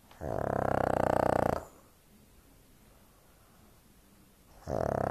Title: pug snoring, very loud